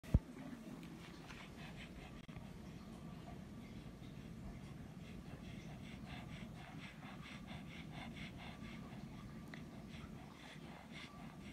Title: Pug breathing noises.